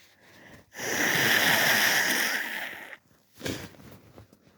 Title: Lots of sneezes with a good nose blow (show of tissue)